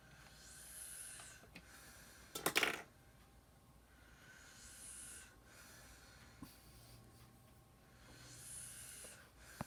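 Soft, airy breathing sounds roughly every four seconds with a brief sharp noise partway through: light snoring.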